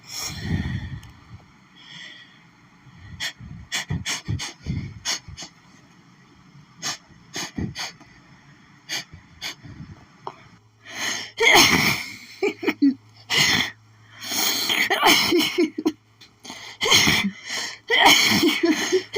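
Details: Desperate, itchy sneezing fit from pollen: repeated sharp snorting bursts and explosive sneezes in quick clusters, strong enough to leave the person doubling over.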